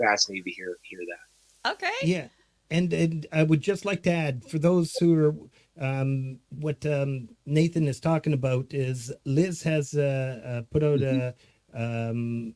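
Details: Adult speakers in conversation; ordinary speech.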